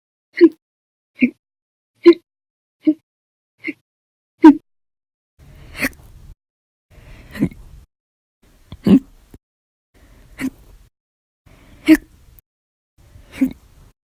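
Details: Eleven sharp, loud hiccups in about 14 seconds, rapid at first then slightly spaced out, from a bout lasting 10 hours 51 minutes after eating and drinking two cups of soda.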